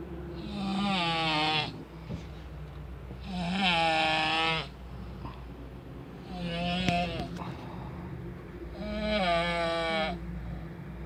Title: Funny snoring video in train